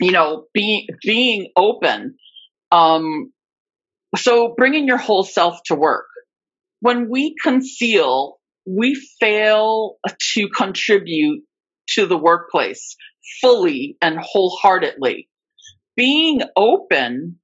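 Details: Adult woman with stuttering, a covert stutterer for more than 30-35 years; speech shows repetitions of words and parts of words; stuttering.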